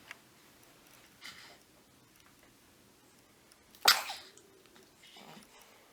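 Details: Baby girl during a studio newborn/baby photoshoot: a single short, sharp sneeze in a quiet room, faint softer sounds before and after; sneezing.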